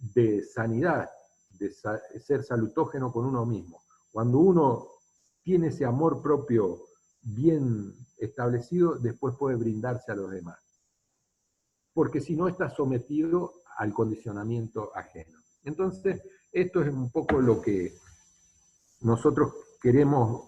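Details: Adult man speaking Spanish; ordinary speech.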